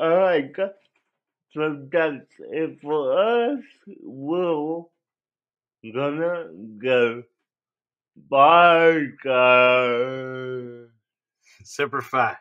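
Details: Dysarthria in an adult male with cerebral palsy, which he believes was likely caused by an overdose of a particular drug; the condition affected his voice.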